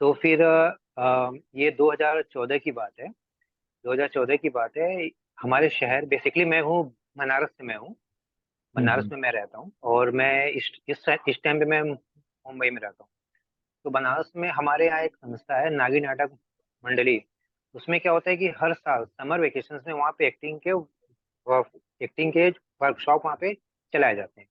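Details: Adult male actor, filmmaker and acting coach who has stammered since about 2007, speaking Hindi in an interview; stuttering.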